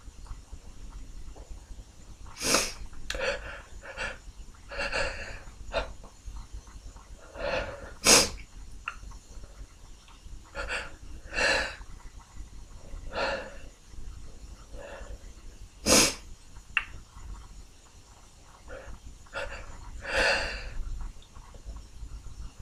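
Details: Sniffles and a run of about five to six sneezes, some loud and open, others stifled or very stuck toward the end, with nose blows in between.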